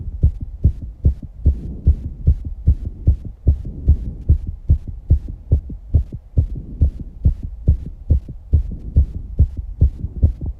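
Rapid, regular low thumps at roughly 145 beats a minute with heavy breathing noise behind them: a fast heartbeat after exercise.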